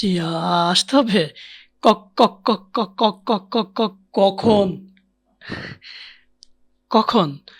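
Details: Acted stuttering in a comedic Bengali portrayal, with a syllable repeated many times before a word.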